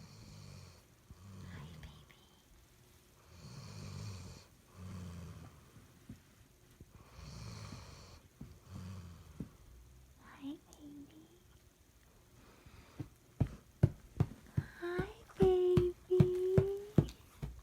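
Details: Bailey Mae snoring while asleep then being woken: rhythmic low rattling snores, one with each breath, then waking with whines and squeaks.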